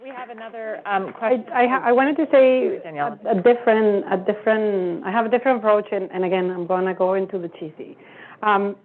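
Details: Adult woman speaking; Typical speech.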